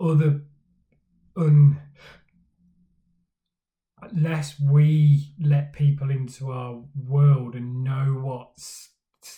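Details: Man who stammers, speaking for Stammering Awareness Day about his own stammering journey; stuttering (stammering).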